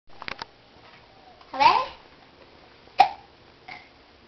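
Several short, abrupt voiced catches with a quick inward gasp, spaced irregularly in a quiet room; hiccups in a young child.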